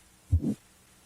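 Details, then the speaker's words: Stethoscope diaphragm over the carotid artery while the patient holds their breath: a single soft, low whooshing sound of vascular origin lasting about a quarter second, suggesting arterial narrowing, a carotid bruit. "listen for a brewery which is a whooshing murmur-like sound of vascular rather than cardiac origin a brewee suggests arterial narrowing"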